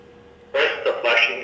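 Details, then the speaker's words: Automated external defibrillator (AED-7000, biphasic) training-unit voice prompt during rhythm analysis: "analyzing, analyzing, do not touch the patient, do not touch the patient, charging"; synthetic spoken operator instruction. AED voice prompt. "analyzing analyzing do not touch the patient do not touch the patient charging"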